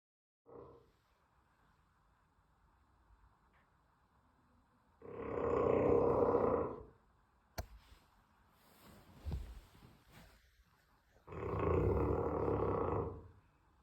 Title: Caught Loudest snoring 💤.💯💯Real